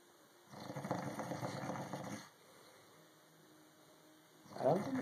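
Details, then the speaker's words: Loud, long rattling snores separated by quiet pauses from a person in heavy, deep sleep; snoring. "good to be snoring that loud."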